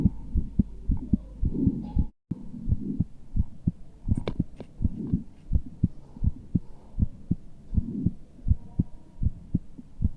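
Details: Heartbeat of a muscular adult man: a steady, low thumping at about 80 beats per minute over a soft background hum, with a brief dropout near two seconds; a normal heartbeat.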